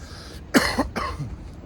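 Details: Two or three harsh, rough coughs from an adult man over steady background hum outdoors; a plain cough after inhaling from a 2g disposable vape.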